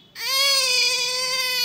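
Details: Infant crying: a single loud, high-pitched cry, held steady and clear-toned for over a second.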